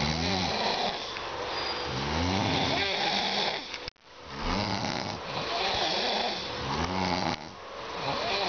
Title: Snoring duet